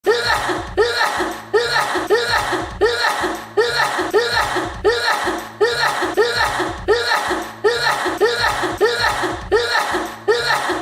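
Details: A woman's sneezing fit, reportedly 67 sneezes in a row: a run of sharp, explosive sneezes in quick succession, under a second apart.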